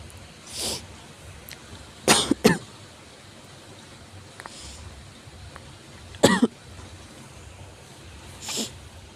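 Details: Severe cough from an adult: three harsh, forceful coughs, a quick pair and then a single cough after a pause.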